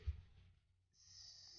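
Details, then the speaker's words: Dog sleeping beside the owner snoring: a single short, low snorting snore, then quiet with steady background hiss. "my dog is right beside me sleeping so you can hear the little basket snoring I'm sorry"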